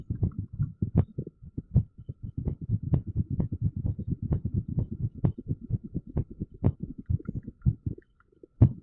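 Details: Low, dull heart thumps with uneven spacing, recorded with a TENS device in use: irregular heartbeat.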